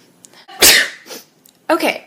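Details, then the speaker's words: A brief inhaled build-up, then one sharp explosive sneeze followed by a short voiced sound; an ordinary single sneeze, called a big sneeze. "Excuse me. This guy was gonna say something bad. Excuse me. Whoa, that was a big sneeze."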